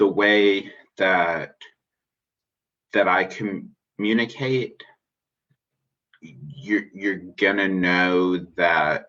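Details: Stuttering in an adult man who identifies as a person who stutters; finding: stuttering.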